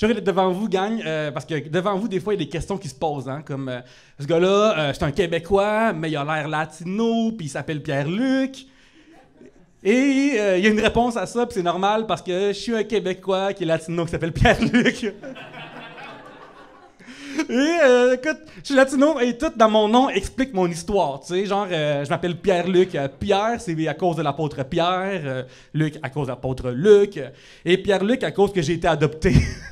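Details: Adult French-speaking male comedian, real (not acted), diagnosed by a speech therapist with cluttering, a rare speech-rhythm disorder that makes words of four or more syllables difficult, and also told he stutters; finding: cluttering with stuttering.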